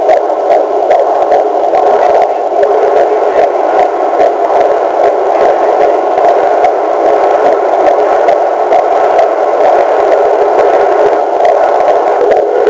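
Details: Steady hiss from a Doppler probe with faint, fast rhythmic pulses: a normal fetal heartbeat of a first child.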